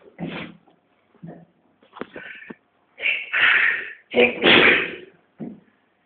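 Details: Twins sneezing: several short bursts, two loud explosive ones near the end, consistent with sneezes from two people in a quiet room.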